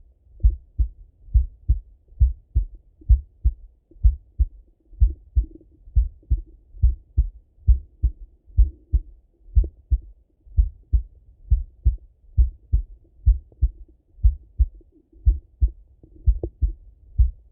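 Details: Male heartbeat by stethoscope during full heart auscultation, recorded either sitting at a desk or lying in bed: steady paired lub-dub beats at about 85 a minute with a faint low hum behind; normal heart sounds.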